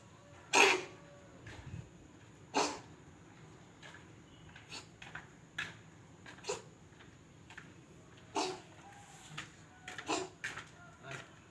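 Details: Cat either sneezing or coughing, uncertain: several short, sharp bursts of air, some loud and some faint, irregularly spaced, consistent with sneezing.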